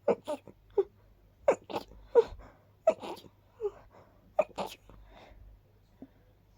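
A rapid run of about nine soft, brief sneezes in quick succession, each a small sharp burst.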